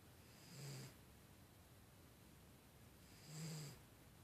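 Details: Snoring cat.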